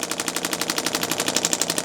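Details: Radial shockwave therapy on the lateral leg tendon of an adult chiropractor with a running overuse injury: fast, steady, sharp rapping pulses from the handpiece.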